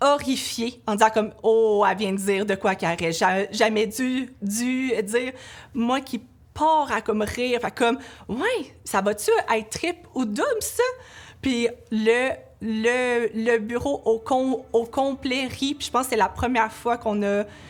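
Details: Stuttering in an adult woman, a laboratory supervisor, with blocks and repetitions, in a stuttering awareness testimonial.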